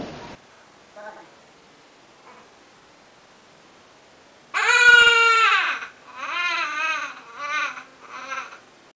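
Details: Infant crying: short, high-pitched wail followed by fussy, broken crying sounds in a quiet room.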